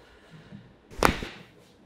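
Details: A single sharp crack, joint cavitation during a chiropractic spinal manipulation of a woman with long-standing lower back pain who also reports occasional headaches.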